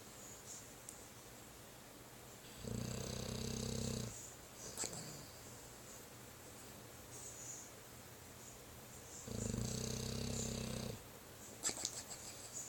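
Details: Sleeping dog snoring: two long, low rattling snores about seven seconds apart with quiet breathing between; snoring.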